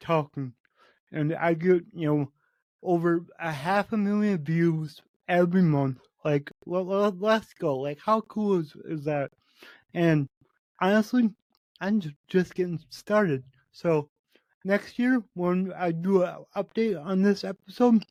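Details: Adult man with cerebral palsy, which he says affects every muscle in his body; he reports his speech has improved over the past 8 months as his health improved; real spontaneous speech; dysarthria associated with cerebral palsy.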